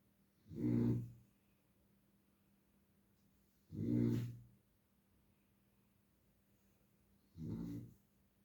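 Three low, rumbling snores about 3.5 seconds apart, roughly 18 a minute, over quiet room noise.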